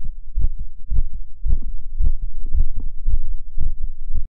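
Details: Regular deep thudding heartbeats at roughly 110 to 115 a minute; a fast heartbeat from a male, recorded for ASMR.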